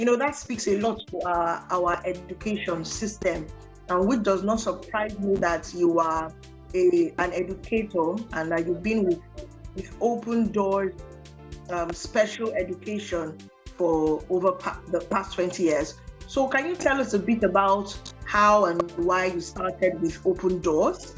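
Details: Adult speaker; typical speech.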